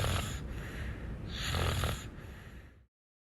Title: snoring adventures short film